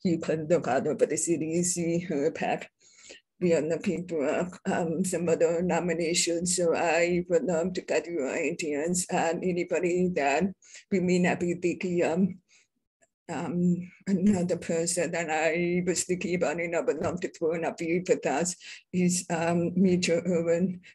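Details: Adult deaf woman describing her own deaf accent; deaf speech (deaf accent).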